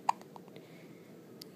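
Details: Two-day-old newborn boy, awake in hospital, with hiccups: a sharp, tiny hiccup click near the start and a fainter one later, in a quiet room.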